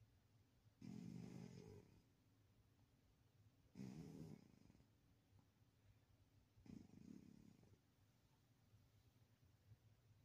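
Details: Sleeping Maine Coon cat: three soft, rumbling snores about every three seconds, roughly 20 breaths a minute; quiet snoring.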